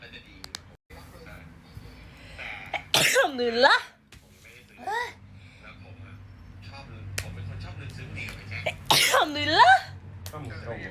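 Two loud voiced sneezes, each a sharp burst trailing into a high 'choo' sound, with room noise between.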